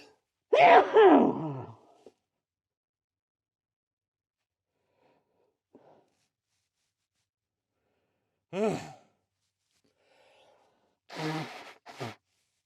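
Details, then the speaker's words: Three separate sneezes in a row, each a sharp voiced burst after an in-breath, with quiet gaps between; the person says it makes them lightheaded and dizzy; a bout of repeated sneezing. "Wow. That will most definitely leave me randomly sneezing throughout the next few days."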